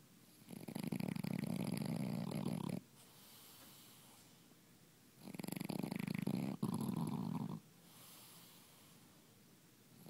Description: Napoleon, snoring